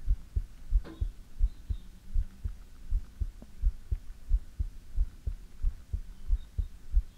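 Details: Steady, soft, low paired thumps at about 90 beats a minute over faint room hiss, recorded for ASMR; a normal heartbeat.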